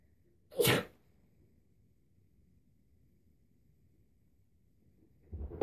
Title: Another sneezing video